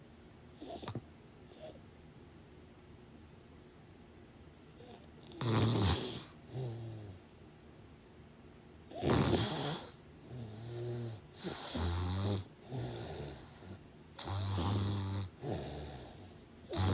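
Irregular rattling snores on the in-breath, separated by quiet pauses, in a quiet room.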